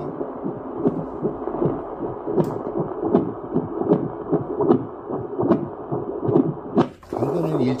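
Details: Fast, rhythmic whooshing pulses through the probe of a Toitu FD-300 fetal Doppler detector, a fetal heartbeat, ending in a brief musical tone.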